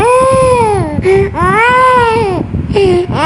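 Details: Young child sick, coughing and in discomfort: loud, sustained wailing cries with short catches of breath between them; distressed crying.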